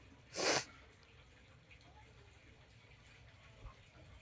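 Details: Nose sneezing challenge at home: a single sharp, explosive sneeze burst, then quiet room noise; sneeze.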